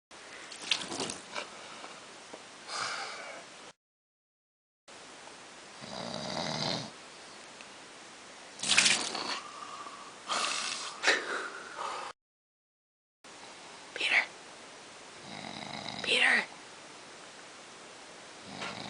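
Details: A person asleep at a cabin snoring loudly: irregular, noisy snorts and rough breathing across several short cuts, roughly eight a minute.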